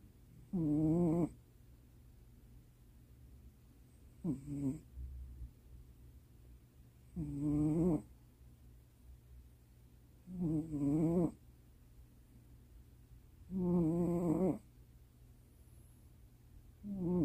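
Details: Cat asleep in owner's lap late at night, soft regular snores with a slight rasp, about 18 breaths a minute, over low background hum; snoring.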